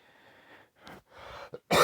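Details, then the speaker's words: Adult with a respiratory virus in October 2022, not tested for COVID, gives a few short wet coughs and throat clearing ending in a loud burst, coughing material up from the lungs; productive cough. "But that cough was me coughing up some of the stuff from my lungs. I'm gonna have to clear my lung so I can breathe better here after this recording."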